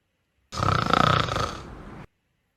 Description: Just a cat snoring